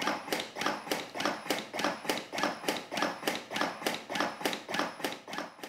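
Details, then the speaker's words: Rapid, very regular mechanical thumps at about 100 a minute as a LUCAS device delivers chest compressions for cardiac arrest. "if '30:2' has been selected the machine will deliver 30 compressions listen for the beeps to alert when the machine is stopping for ventilation"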